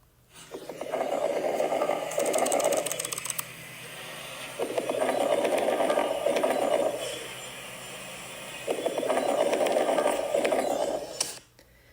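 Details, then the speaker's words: Lung crackles: many brief, high-pitched popping sounds over three breath cycles as air moves through mucus-filled airways, given as a nursing auscultation example. "this is high-pitch sounds and it's the air trying to move in the Avi and it's trying to overcome that air because it's filled with mucus or or it's surrounded by a lot of mucus so this is what crackles sound"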